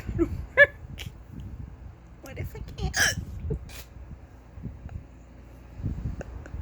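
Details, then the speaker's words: Prolonged bout of hiccups lasting about ten to fifteen minutes, unusually long for this person: sharp, abrupt catches of breath repeating between quiet speech and noise. "I pick up twice two times in a row and I'm like super excited because who the hiccups but I've been doing this for like I don't even know ten minutes"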